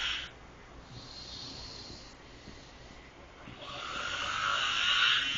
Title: Me snoring in the back seat